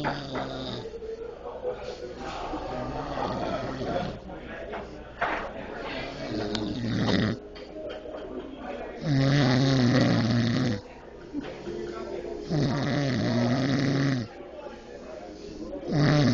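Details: Person passed out snoring in a restaurant (Denny's): loud, rough snores, each one to two seconds, recurring over background restaurant chatter and noise.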